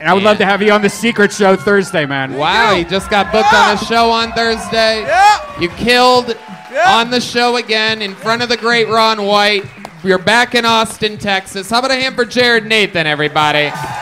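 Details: Adult male host speaking to a live audience; ordinary speech.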